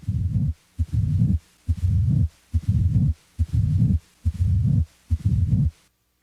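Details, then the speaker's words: Mitral stenosis: low rumbling late diastolic murmur starting late in diastole and continuing up to S1, regular low heart sounds near 71 a minute. "a late diastolic murmur as heard with mitral stenosis starts late in diastole and typically continues up to s-1"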